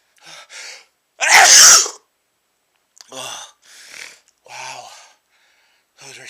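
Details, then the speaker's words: 24-year-old man sneezing after sniffing chhinkni (menthol-smelling snuff) for the first time, with burning nose and watering eyes; one loud, explosive induced sneeze followed by quiet breaths and sniffs. "oh I sneezed those are big sne oh those are big sneezes it's still in there"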